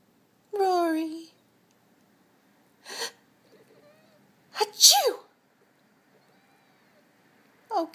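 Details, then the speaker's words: A person sneezes, real or fake, near a pet cat that gets annoyed by any sneezing: a few sharp bursts with quiet gaps, likely with a cat's cry among them; sneezing. "a chew a chew a a what's wrong Rory you don't like the sneezing"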